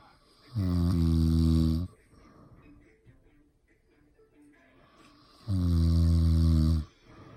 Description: Snoring lol